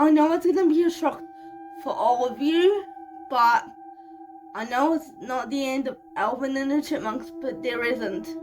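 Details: 25-year-old woman living with cerebral palsy, speaking in her vlog; speech in cerebral palsy (dysarthria).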